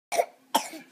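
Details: An adult deliberately fakes two short, sharp cough bursts; voluntary cough.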